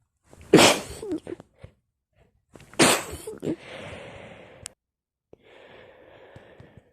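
Two forceful sneezes a couple of seconds apart, then rustling and a soft blow into a tissue; a bout of sneezing.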